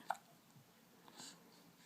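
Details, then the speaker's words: A single short, sharp hiccup from a young child who has just been talking with mommy, followed by a quiet breath in a small room; hiccups. "oh goodness stupid hiccups stupid hiccups huh oh they make you so sad huh"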